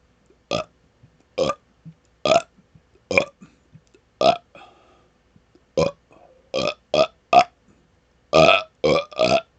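About twelve short, loud burps in rapid succession over ten seconds, with brief quiet gaps between them.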